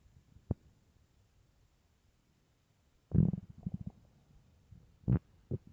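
Quiet background with a few short low gurgles and a rumbling burst; stomach growling from an empty, active gut.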